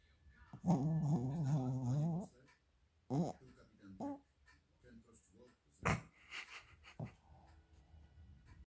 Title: chrapiący pies, snoring dog, shihtzu